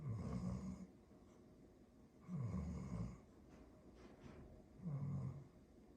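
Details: A sleeping dog snoring, with three low rumbling snores on the in-breaths at about 26 a minute and quieter breathing between them.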